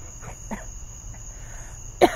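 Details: An adult gives a few soft, muffled coughs, then one sharper, louder cough directed toward the microphone.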